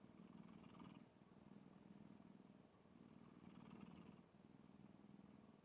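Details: Black cat snoring in sleep: a quiet, fluttering snore rising and falling with each breath, about two breaths in five seconds; ordinary light snoring.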